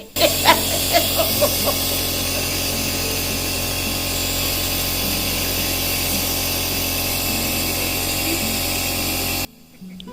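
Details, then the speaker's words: Home compressor nebulizer, bought when the child was five months old: steady loud mechanical buzz of the motor running continuously, with steam coming out showing it works, then switching off. "ఆవిరి కూడా రావడం ఇలా గమనించవచ్చు అన్నమాట ఆవిరి వస్తేనే ఆ machine అనేది పని చేస్తున్నట్టు అన్నమాట"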